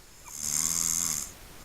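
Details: Person snoring while asleep, recorded up close by friends: a single raspy, hissing snore lasting about a second with a low rumble beneath it.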